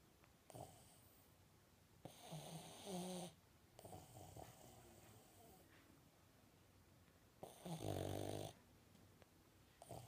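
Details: Snoring during sleep: soft, irregular snuffling snores with two louder rattling breaths over a steady room hiss.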